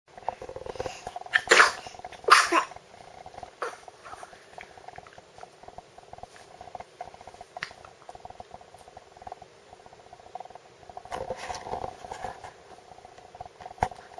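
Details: A sneeze.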